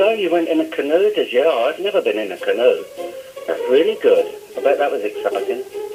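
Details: Older adult man; typical speech.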